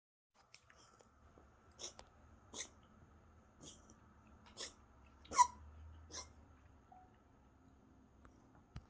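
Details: Cat giving six short, dry, hacking coughs in a rapid series, vet-confirmed feline asthma, often mistaken for vomiting or hairballs; feline asthma cough.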